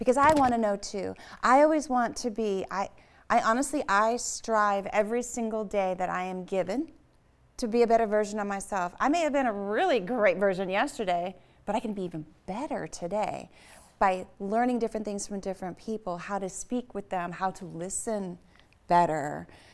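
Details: Adult woman speaking; normal speech.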